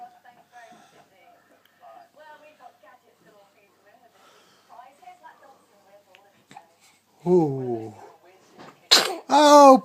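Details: A 4-week-old infant's sharp, explosive sneezes with a brief voiced sound between them, after soft adult talk.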